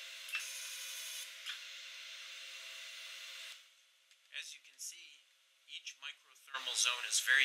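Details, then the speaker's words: Deep Renu Elite 40 W fractional CO2 laser scanner demonstration, activated by foot pedal to paint micro thermal zones sequentially; steady raspy hiss for a few seconds, then stopping, followed by brief faint clicks and hisses. "by depressing the foot pedal we activate the scanner and it will paint the micro thermal zones sequentially until it completes the"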